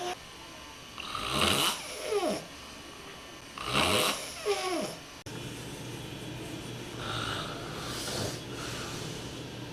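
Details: Man asleep at a film festival, snoring heavily: soft, rattling snore-like breaths about every two to three seconds over a steady room hum; ordinary snoring during sleep.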